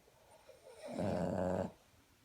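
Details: A single loud, rough, buzzing inward snore under a second, rising from quiet breathing, recorded during a playful snore war between an owner and a Boston Terrier; snoring.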